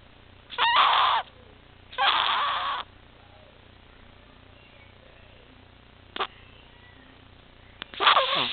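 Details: 6-week-old infant diagnosed with laryngomalacia, tracheomalacia and micrognathia (Pierre Robin sequence), with sleep apnea, retractions, gasping, pauses in breathing and turning blue; harsh, rasping, crowing breaths in noisy bursts with quiet pauses: inspiratory stridor.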